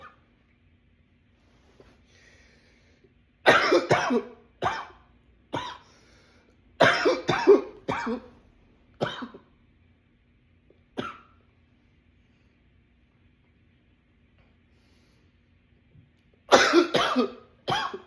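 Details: Clusters of rapid, harsh coughs in runs of several, separated by quiet gaps; a runaway coughing attack.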